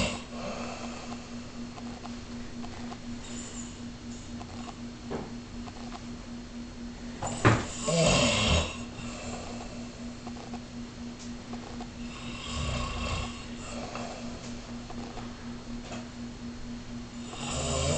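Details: Person snoring, described as sounding like a bear fighting a broken chainsaw: soft snoring over a steady background hum, with a louder snorting breath partway through.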